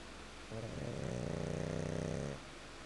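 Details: Pug snoring: one long, vibrating snore lasting about two seconds, with a fluttering rattle through the breath.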